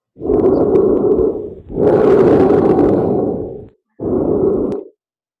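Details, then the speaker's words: Normal bronchial breath sounds heard over the bronchi: loud, hollow, harsh breaths with a longer breath out than in. "Okay, these are sounds you'll normally hear over the Broni."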